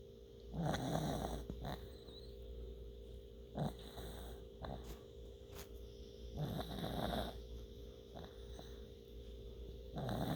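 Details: Snoring in a sleeping dog with a bone in its mouth: low rumbling snores repeating every few seconds over a steady room hum.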